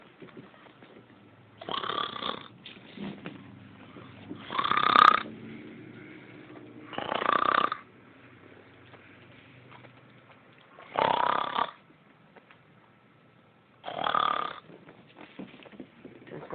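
Five loud, buzzing snores with brief quiet gaps, roughly 18 breaths a minute. Snoring.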